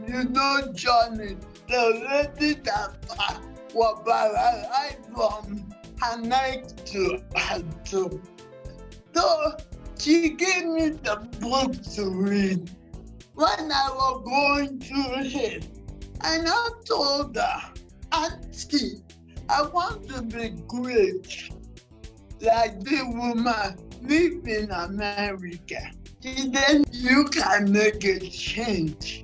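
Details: Dysarthria in a 47-year-old woman with cerebral palsy since birth, which presents through uncoordinated speech.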